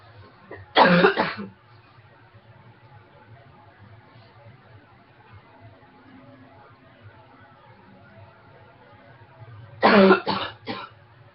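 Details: A single cough, then after a quiet stretch a burst of three quick coughs; four coughs in all, with faint room hum between.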